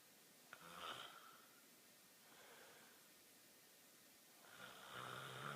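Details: A brother snoring: two rough, rattling snores heard during breathing, with a quiet pause between them in a small room.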